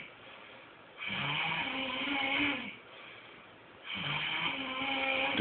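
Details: Snoring in a man asleep on a couch: two loud, rough, vibrating snores on breathing in, with quieter breaths between them.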